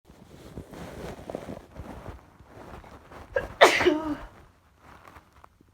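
Soft breathy sneezes building to one loud, forceful sneeze near the end. Ordinary sneezing.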